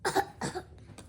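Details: Child coughing: two quick, moist-sounding coughs in a quiet room.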